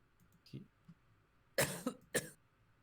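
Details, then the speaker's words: Man who says he is sick, coughing every so often during a live game session: two short coughs with faint room sounds beforehand; cough. "can hear me coughing every so often, so yeah, no, not really."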